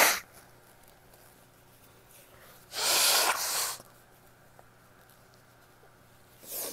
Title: sneezes (f)